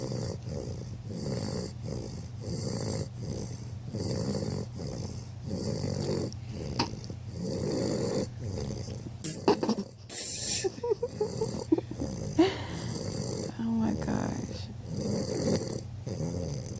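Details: 11-week-old bulldog puppy snoring, possibly not fully asleep since its eyes are open: steady rhythmic rasping snore on each breath from a short-nosed dog, with brief snorts; snoring.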